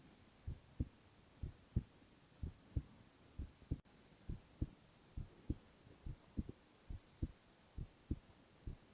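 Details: Silent ASMR recording of a young man's heart sounds only: steady paired low lub-dub thumps at about 67 a minute, clear; normal heart sounds.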